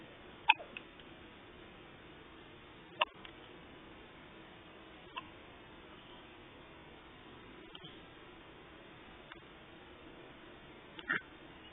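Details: A newborn's first hiccups outside the womb: soft, brief catching sounds at irregular intervals, about six in twelve seconds, in a quiet room.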